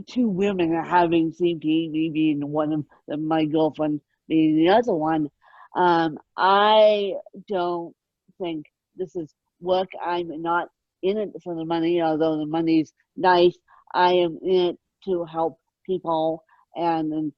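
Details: Adult woman born with moderate ataxic cerebral palsy, which she places mid-spectrum, caused by lack of oxygen at birth; ataxic dysarthria.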